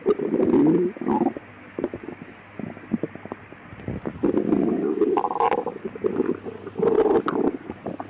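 Low gurgling and groaning rumbles in bursts with quiet gaps: loud stomach growling (borborygmi), active bowel sounds.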